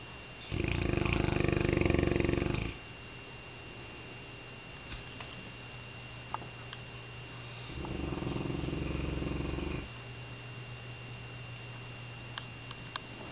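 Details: Sleeping Saint Bernard dog, possibly dreaming, snoring: two long, loud, rumbling snores about seven seconds apart over steady room hum.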